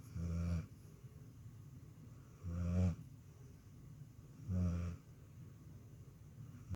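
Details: Dog in deep sleep: three low, rumbling snores, evenly spaced about one every two seconds; snoring.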